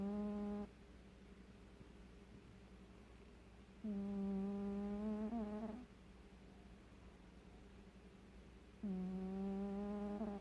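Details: Cat snoring: long, steady, humming snores, each lasting about two to three seconds and spaced several seconds apart.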